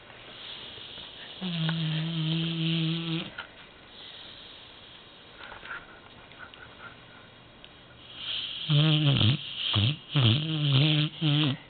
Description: Indy is a 2 year old American Bulldog that snores very loudly. This is a short video of him sleeping and snoring.